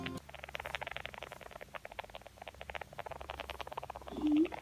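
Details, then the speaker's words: Pet mouse making rapid, faint repeated soft squeaks and clicks ending in a louder squeak, the same abnormal sound a cagemate made before vet-treated pneumonia; suspected respiratory infection, advised to see a vet. "And so we were like, oh my gosh, that's a sound. So if you hear your mouse making this sound, get them to a vet."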